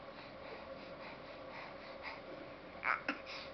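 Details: A young child making a deliberate, fake cough after talking to farm animals: two short, sharp cough-like bursts in a quiet room.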